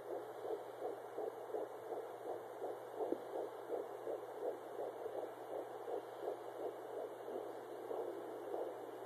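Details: Fetal heartbeat at 10 weeks 4 days on Doppler ultrasound: rapid, steady whooshing pulses over a constant hum.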